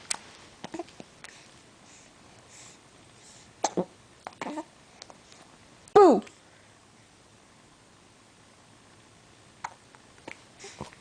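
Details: Quiet room with several brief clicks and gulps, then one loud voiced hiccup-like sound that seemed to startle him; hiccups.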